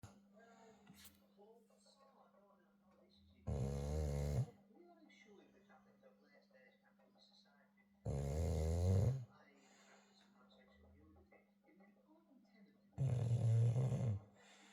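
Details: Olde Tyme Bulldog snoring, which the owner says is quiet: three loud, rough snores about four seconds apart, roughly 13 a minute, over a steady low room hum; snoring.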